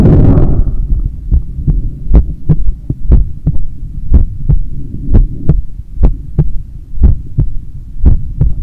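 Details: Own heartbeat recorded on waking in the morning: steady low thumping at about 61 beats a minute over a background hum; normal resting heartbeat.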